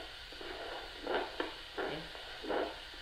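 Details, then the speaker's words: Doppler auscultation over a patient's right temporomandibular joint during a TMJ and headache exam while the jaw opens and closes, partly and fully; the pulsing noise is the superior temporal artery. Temporomandibular joint sounds. "all right so we're going to use the Doppler oscilation to listen to right jaw joint and figure out what's going on inside the capsule"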